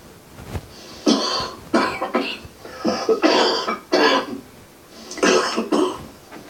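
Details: A string of about six short, harsh adult coughs, each a brief burst with quiet gaps between; played to an audience asked to judge whether the cougher is actually sick.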